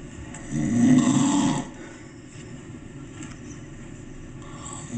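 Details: Grandpa snoring while asleep at a cabin; he claims he doesn't snore. One loud, rattling snore lasting about a second, then quieter breathing over a steady hum.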